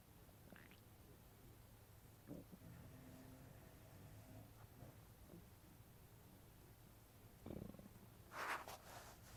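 Low gurgling and rumbling over quiet room noise, with a louder burst near the end; ordinary bowel sounds after eating.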